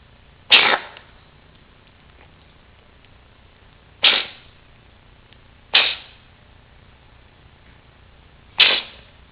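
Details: Coughing.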